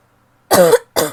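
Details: Female coughing; two short, harsh coughs in quick succession.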